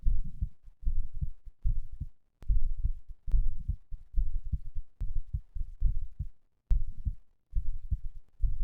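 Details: Heart sounds after exercise, third post-exercise recording: strong, fast heartbeats with clear paired sounds, about 70 to 80 a minute; normal.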